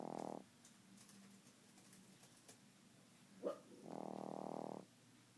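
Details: Two loud, rattling, buzzy snores with quiet breathing and a short snort between them, from Nibbler, a sleeping 3-month-old pet, snoring like a grown man.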